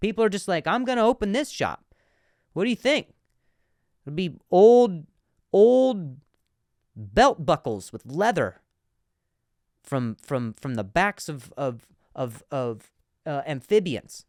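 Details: Adult male comedian who stutters, speaking in a podcast monologue, with word repetitions: stuttering.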